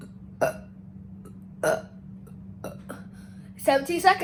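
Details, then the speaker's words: Deliberate on-command burping in a one-minute burp-count challenge (about 55 counted): several short belches in quick succession, then a louder voiced burst at the end, over a steady low hum. "today i'm creating my own challenge called how much burps can you do in one minute got the timer right here and let's start"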